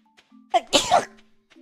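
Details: A single sneeze from a female VTuber during a live stream: a brief in-breath, then a sharp voiced burst, with quiet room sound; sneeze.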